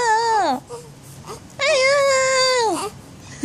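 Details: Two brief, soft, high-pitched cries from a 16-day-old baby boy, described as rarely crying, with a clear tonal quality and a quiet pause between; an ordinary newborn cry.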